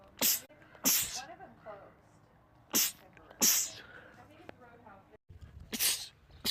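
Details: Male sneezing compilation clip: five loud, sharp sneezes with brief breaths and mutters between them, repeated sneezing.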